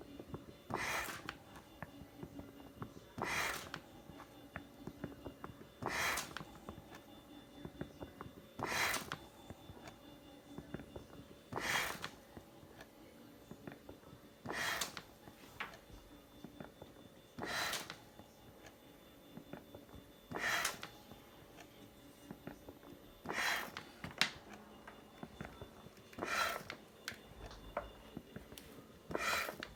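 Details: Homemade mechanical ventilator running for 60 hours straight, the last 10 on a power pack, giving regular hissing bursts about every three seconds, roughly 20 a minute, while cycling.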